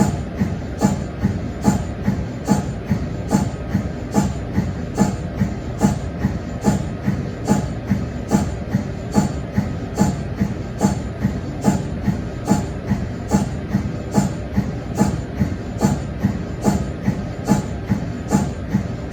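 Steady rhythmic chugging pulses, about 72 a minute, from an MRI scanner's cold head; a normal operating sound.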